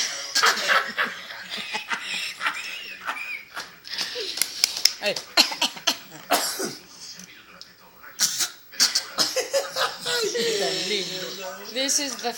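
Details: A 9-month-old infant's fake cough: short, forced throat-clearing coughs mixed with babbling and laughing, a playful imitation cough.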